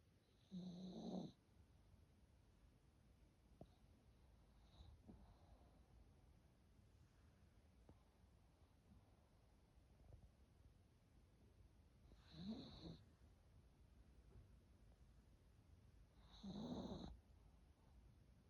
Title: 강아지 코고는 소리 #강아지코골이 #귀 #귀여운강아지